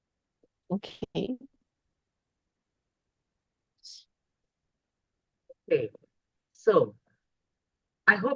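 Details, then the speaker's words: Short, harsh, voiced noisy breaths separated by pauses from a toddler with subglottic stenosis: biphasic stridor, heard on both inspiration and expiration. "So I can see most of you all have labeled this as biphasic stridor."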